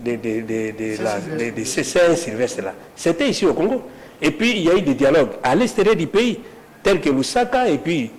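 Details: Stuttering in a male speaker who says he stutters and that listeners sometimes understand him poorly; many repeated syllables are heard in spontaneous French speech.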